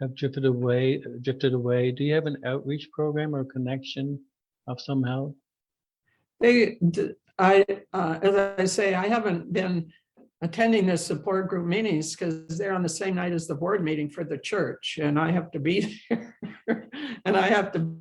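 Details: Adult woman who stutters, with a history of speech therapy and support group attendance; stuttering.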